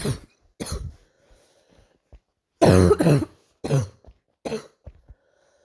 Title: night coughing